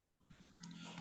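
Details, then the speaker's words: Granddaughter snoring while sleeping near the speaker during an online meeting; snoring. "sorry my granddaughter is sleeping near me and she's snoring so you can ignore that sound okay"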